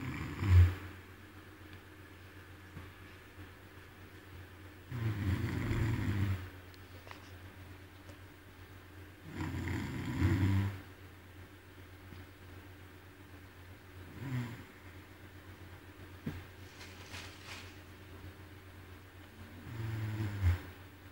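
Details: Loud, low, rattling snores about every 4–5 seconds, roughly 13–14 per minute, over a steady low room hum; snoring.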